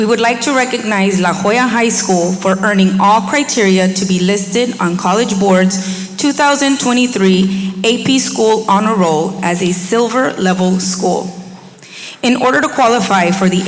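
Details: Adult woman; Normal speech.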